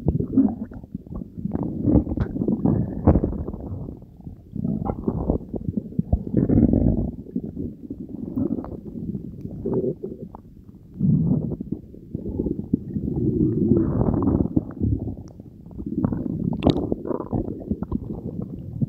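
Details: Belly gurgle ASMR recording after drinking Diet Coke with Mentos: continuous loud rumbling and gurgling with bubbling surges, ordinary bowel sounds of digestion.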